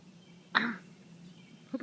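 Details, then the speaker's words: Adult with recurrent hiccups described as unusual, outdoors on a quiet evening with birds chirping: a single abrupt, throaty hiccup-like sound, with a faint second onset at the end. "they're not happy with this at all are they okay and that ladies and gentlemen is an example of my hiccups"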